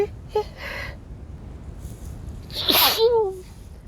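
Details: Wet sneeze with a cold: a brief intake then one forceful, spraying sneeze, with light background noise.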